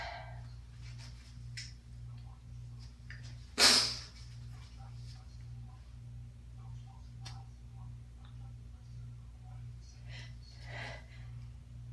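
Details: Adult sneezing while sick in winter with congestion and asthma: a single sharp, explosive, congested sneeze over a low room hum, with faint sniffing and rustling.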